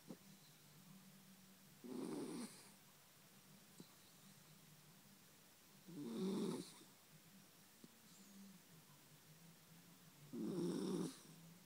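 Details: Dog asleep next to its owner, snoring: soft snorting snores about every four seconds over a quiet room hum.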